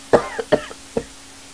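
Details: Adult male news presenter, sick: three short, harsh coughs in quick succession with a faint steady hum behind; cough.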